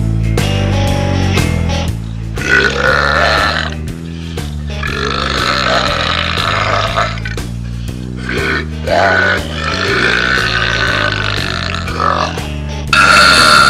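Long, loud, rumbling belches in rapid succession over loud background music; repeated burping.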